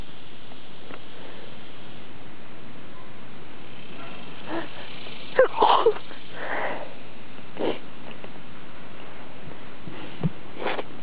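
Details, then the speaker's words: Deliberately stifled sneezes recorded outdoors: muffled held-in sneezes and sniffs over steady background hiss. "it gets harder to stifle them um once you've already done a few"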